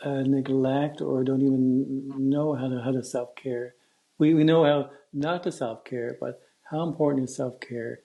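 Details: Stuttering in an adult man who stutters, speaking in a podcast interview, with word repetitions heard such as "I I", "some some" and "wouldn't wouldn't".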